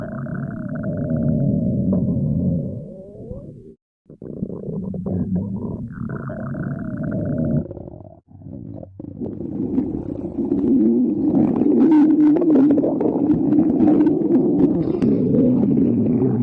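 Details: Adult's stomach growling (borborygmi): loud, continuous gurgling and rumbling from the abdomen.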